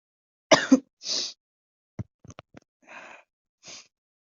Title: Induced messy sneezes